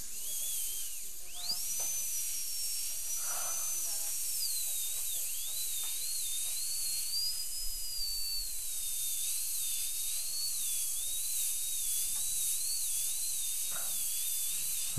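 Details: Continuous high-pitched whine with dipping, wavering pitch as the bur trims the temporary crown during all-ceramic e.Max crown preparation on a heavily worn lower right second molar, tooth 31; dental drill.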